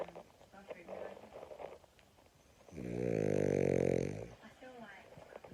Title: French Bulldog Snoring